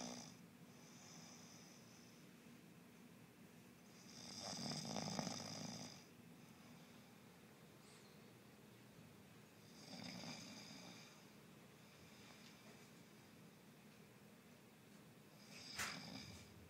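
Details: Man asleep: soft, rough snoring breaths recurring every five to six seconds over a steady room hum; quiet snoring.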